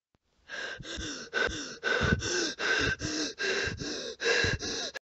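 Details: Simulated hyperventilation sound-effect recording: rapid, shallow, gasping mouth breaths in and out, about 75 a minute.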